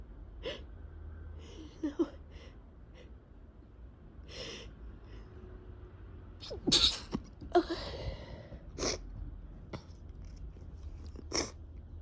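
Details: Several sharp, wet sneezes with gasping in-breaths, a long sneezing attack from a cold after travel, with a super runny, irritated nose.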